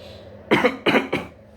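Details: Staged cough demonstration showing cough etiquette (into a mask or inner elbow): three short, sharp coughs in quick succession over low background hum.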